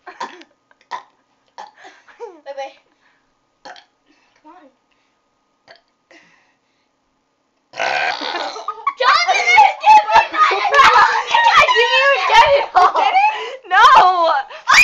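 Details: Several short throaty belches after drinking soda, then excited talking and laughter nearby; repeated burping.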